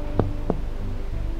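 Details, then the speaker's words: Chest percussion during respiratory physical examination, comparing right and left sides starting at the lung apices in the intercostal spaces: two hollow, low taps; resonant (sonor) percussion note of normal lung. "Kita melakukan perkusi membandingkan antara kiri dan kanan secara berurutan. Perkusi dilakukan mulai dari apex kanan dan kiri di sela iga. Ini adalah bunyi sonor."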